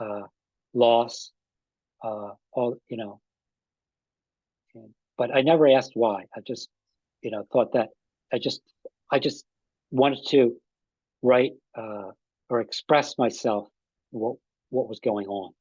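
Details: Aphasia in an adult man about five and a half years after an ischemic stroke that occurred together with a heart attack; ongoing trouble with names and word tenses.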